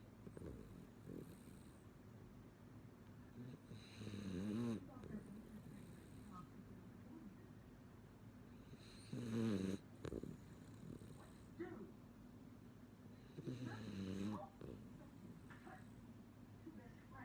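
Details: Sleeping female miniature schnauzer snoring, said to snore louder when the TV is turned up: regular rattling snores, about 12 breaths a minute, with quiet breathing between them.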